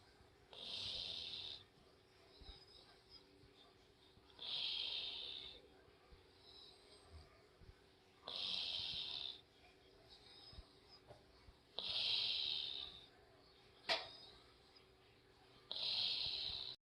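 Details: Regular hissing, airy breaths, about 16 a minute, over a steady room hum; snoring during sleep.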